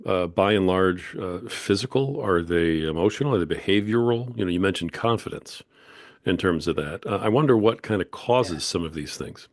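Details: Adult male speaker; typical speech.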